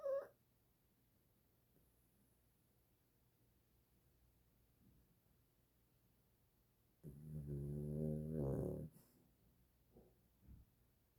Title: 노이즈 코골이 #코골이 #꿀잠 #shorts